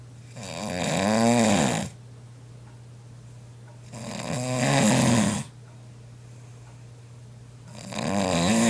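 Loud rattling snores on each breath, about 17 a minute, with a steady low hum in the room between them.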